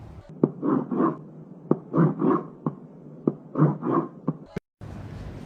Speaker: it is a harsh a cresendo r cresendo type of murmur it can be aortic stenosis it is best heard in the eot area correct